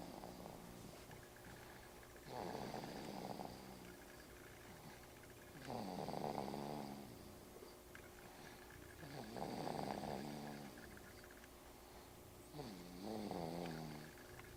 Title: snoring.MPG